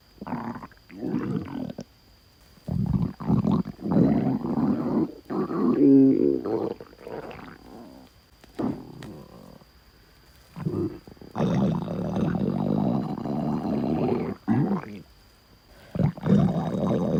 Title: my stomach growl